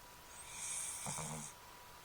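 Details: An animal snoring: a single soft, low, rattling breath sound with a hissy edge.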